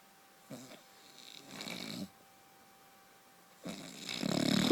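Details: Rough, rattling breathing noises in bursts that grow louder toward the end, from a husband snoring "like a truck" in his sleep, bad enough that his wife sleeps in another room; heavy snoring.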